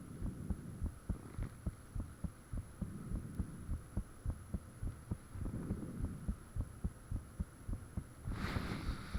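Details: Recording of one's own heartbeat with the fan off, made shortly after the heart began feeling unusually thumpy: regular thumps at about 105 bpm, faint steady hum, brief hiss near the end; valve and blood-rush sounds reportedly audible.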